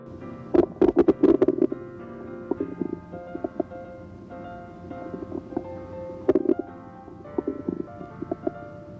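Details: Normal bowel sounds.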